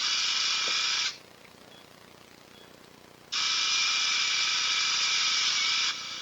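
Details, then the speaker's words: Right knee ACL reconstruction with hamstring tendon graft: 8 mm drill run over a guide wire to break through the tibial tunnel. High-pitched drill whine in two runs separated by a quiet pause, the second longer. "now we're going to drill over our guide wire with a size 8 millimeter drill which matches the size of our graft okay we'll just break through right there"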